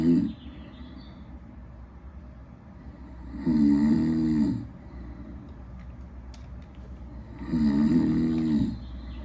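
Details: Loud rattling snores on each breath in, about 14 a minute, with quiet gaps between, recorded as acoustic and accelerometer waveforms in a desktop app; ordinary snoring.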